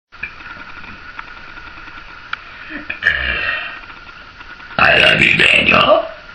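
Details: Quiet mouth and throat noises, then a long, loud, rumbling burp lasting over a second, from a woman: ordinary belching of swallowed air.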